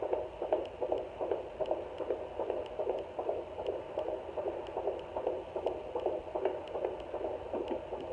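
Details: Fetal heartbeat on a home fetal Doppler at 17 weeks 2 days of pregnancy: rapid, regular whooshing pulses at about 150 beats a minute.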